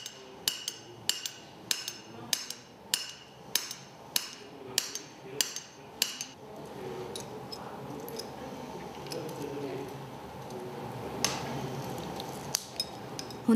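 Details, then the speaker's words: About ten sharp, regular metallic mallet blows then scattered taps: chisel inserted through a skin incision between Ilizarov fixator rings to cut the femur, under general anesthesia, in a boy's leg-lengthening surgery. "ここで登場するのが医療用のの水戸藩マンリングの隙間から皮膚を切開しのみを差し込んで骨を切断するのだ"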